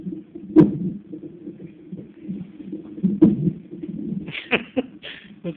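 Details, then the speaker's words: Baby boy with hiccups that make him mad: two sharp, sudden bursts about two and a half seconds apart over low room noise, then brief fussy cries; hiccups. "My baby having the hiccups. Poor baby has the hiccups. They make him mad."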